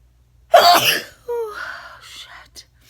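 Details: Sneeze provoked by tickling with a feather.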